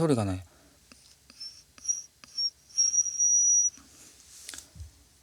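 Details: Speaker with bilateral vocal fold nodules producing a whistle with mouth and nose covered; whistle register voice.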